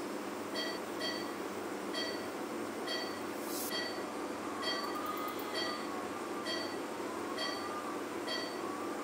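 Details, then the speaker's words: Steady machine hiss with regular short electronic tones about once a second; phacoemulsification in quadrant removal mode in a 65-year-old man with pseudoexfoliation and a non-dilating small pupil, during stretch pupilloplasty cataract surgery. "once the first heming nucleus is divided i'm going to change the settings to quadrant removal mode and i'm going to remove these fragments out of the bag and emulsify them subsequently the second hemenuclease is divided into smaller fragments and all the fragments are then emulsified"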